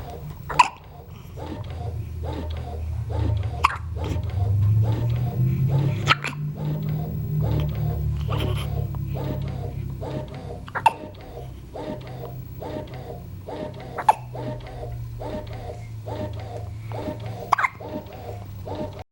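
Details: After a meal, sharp, abrupt gulping clicks recur every few seconds over a low continuous hum and background sound; hiccups.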